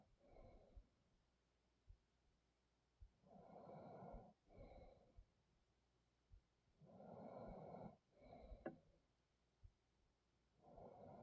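Rough, snorting breath noises in regular paired cycles, about 17 breaths a minute, over steady background noise: snoring during sleep.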